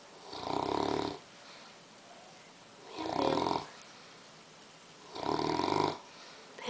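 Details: English Mastiff sleeping after a long day: loud rhythmic snores about every two and a half seconds, roughly 26 a minute, with quiet exhalations between.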